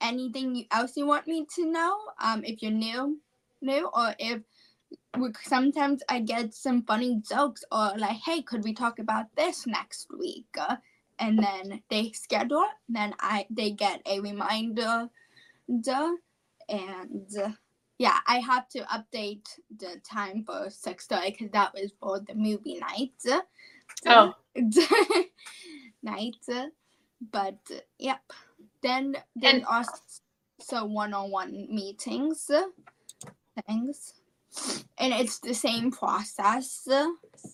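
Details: Childhood apraxia of speech, a neurological speech disorder, in a 17-year-old female high school senior. She has had speech therapy since about age four, has word-recall difficulty, and was once only 10% intelligible.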